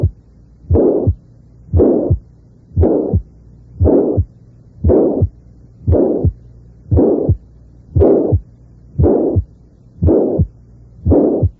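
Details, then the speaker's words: Mitral regurgitation: a harsh, blowing holosystolic murmur, loudest at the apex, filling systole up to the second heart sound; regular heartbeat about 58 per minute. "no necesitas llegar hasta el segundo ruido para constituir un soplo de insuficiencia mitral vea si le es posible juzgar en la siguiente demostración si el soplo se extiende hasta el segundo ruido"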